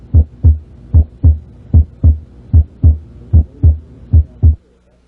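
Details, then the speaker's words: Normal heart sounds: regular paired low thumps, lub-dub, about 75 beats a minute; S1 with mitral closure, S2 with aortic closure, systole between S1 and S2, longer diastole after S2. "because diastole usually lasts longer than systole you can identify the two sounds one two one two one two"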